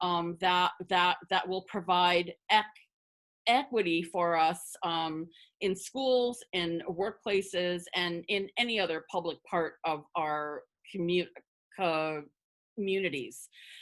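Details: Adult woman who identifies as a person who stutters, speaking spontaneously as a webinar panelist, with word and part-word repetitions; stuttering.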